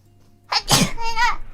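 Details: A sharp in-breath, then a single explosive sneeze trailing into a squeaky, voiced tail; one ordinary sneeze.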